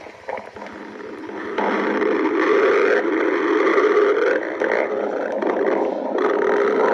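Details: Adult woman (girlfriend): long, continuous gurgling rumble that swells and fades; ordinary stomach growling (borborygmi).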